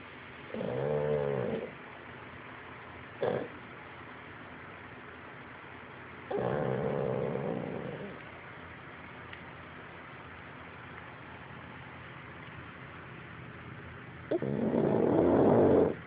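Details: Loud, rough snoring breaths repeating every few seconds from a sleeping pet over quiet background hiss; snoring.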